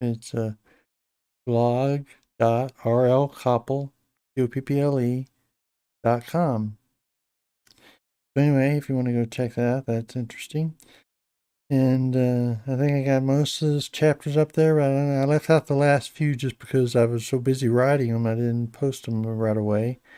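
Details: Hypokinetic dysarthria in an adult man with Parkinson's disease for a little over 10 years, treated with deep brain stimulation since 2017; he reports his voice has gone down and is less clear than years earlier.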